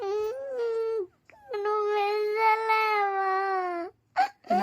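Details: A young child cries in long, high, wailing bursts with a catch between them, upset about wanting a black phone.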